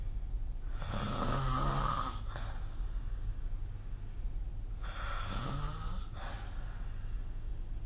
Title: 🐽 Snoring Sleep Sound